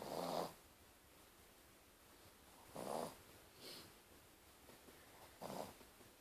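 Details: Sleeping dog snoring: soft, rough snoring breaths, about three bursts in six seconds with quieter in-between sounds; ordinary snoring.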